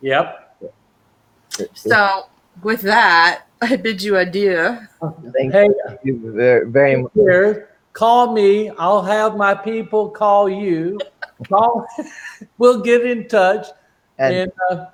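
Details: Man with non-fluent aphasia since a stroke during heart valve surgery in 2007; shortly after the stroke his speech was limited to single words; real chronic post-stroke non-fluent aphasia.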